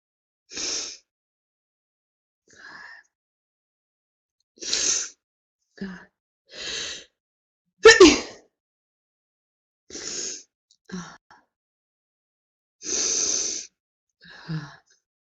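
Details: Woman in a prolonged sneezing fit: about a dozen sharp sneezes in quick succession, several preceded by a gasping in-breath; paroxysmal sneezing.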